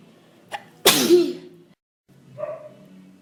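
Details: Person with hay fever and a cold: a quick inward breath, then one loud explosive sneeze and a softer sound after a pause.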